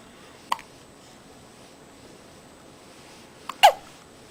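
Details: Two sharp, abrupt hiccup sounds about three seconds apart in a quiet room, smiling at the end and getting sleepy; hiccups.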